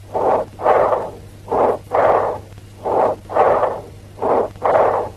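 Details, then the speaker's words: Bronchial breath sounds by stethoscope diaphragm: expiration louder, higher-pitched and as long as or longer than inspiration, with a pause between them; loud, high-pitched blowing quality. "In bronchial breath sounds, the expiration is louder and higher pitched than inspiration. Expiration is as long as or longer than the inspiration."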